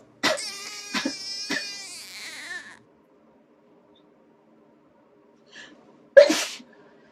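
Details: Taiwanese girl given a nasal swab test: short voiced catches and a drawn-out whimper, then one sharp sneeze set off by the swab.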